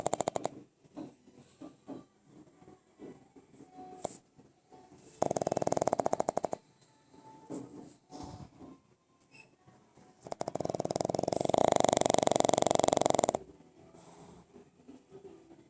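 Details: Sleeping pug, a flat-faced dog: fast vibrating snorts on breathing in, with soft snuffles and sniffs between; snoring.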